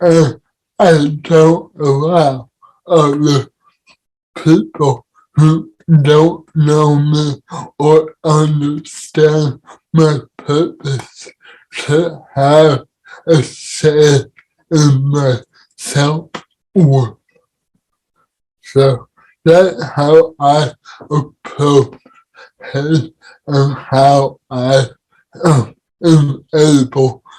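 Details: Dysarthria in an adult man with cerebral palsy, heard in real conversational speech.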